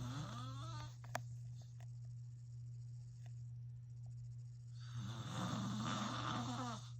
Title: Filming my dad snoring again (more loud snores !)